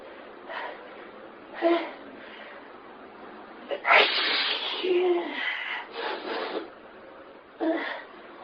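A run of repeated sneezes with short breaths between, one long forceful burst in the middle; a prolonged sneezing fit.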